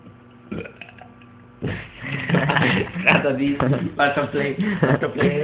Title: burps